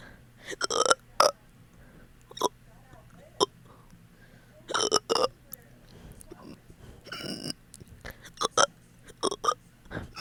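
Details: Fast hiccup-like burps after eating, ongoing for 30 minutes: several short, quick burps in clusters, some with a hiccup-like catch, separated by quiet.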